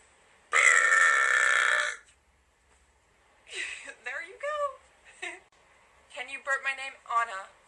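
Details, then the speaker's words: Voluntary burping on request during a live stream: one long, loud burp lasting over a second, followed by brief quiet talk. "Let's see what I got right now in the supply of burps. It's not going to be good. Wait. That was a weak one."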